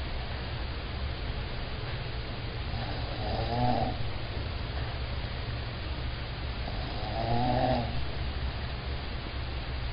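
Two slow, rough snoring breaths about four seconds apart, roughly 15 a minute, over steady low hum. Ordinary snoring.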